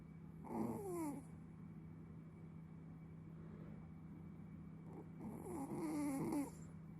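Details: Two rattling snores with a whistling edge, about five seconds apart, from a sleeping Chihuahua over steady room hum: snoring.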